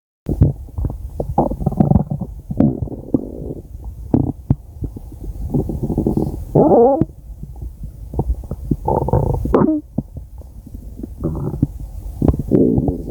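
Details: Loud gurgling and rumbling bursts from the belly, some drawn out and squeaky; ordinary stomach growling (borborygmi) recorded from a woman's belly.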